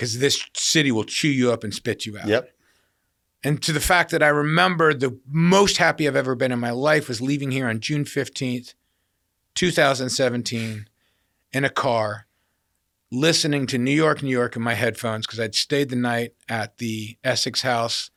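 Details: Adult male speaker; typical speech.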